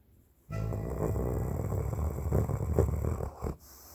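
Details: Sleeping dog snoring while napping: a loud, continuous low rattling snore lasting about three seconds, then stopping.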